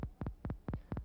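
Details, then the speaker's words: Simulated heartbeat from a synthesizer demonstration in which the rate is raised from about 60 per minute: paired low lub-dub thumps in a steady, very fast rhythm, about 240 per minute. "the heartbeat of an individual in good shape like Frank here is about 60 cycles per minute or one per second when we listen to this heartbeat thank you Frank we hear its frequency as a steady"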